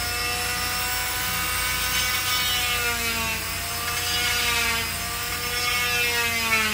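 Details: Cast removal after an ankle fracture: a loud, steady, high-pitched whine with a gritty rasp as an oscillating cast saw cuts through the cast.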